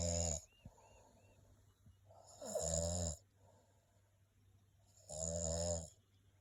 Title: Turkey Snore